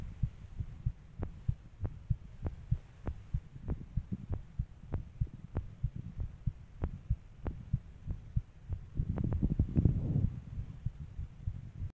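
Steady low heart thumps at roughly 100 a minute over a humming background, a fast heart rate.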